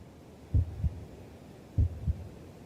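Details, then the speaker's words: Two soft, low lub-dub heartbeats about 1.2 seconds apart, roughly 50 beats a minute, used as a body sound in a guided meditation; normal heartbeat. "Вірогідно, що це може бути звук твого тіла, такий як"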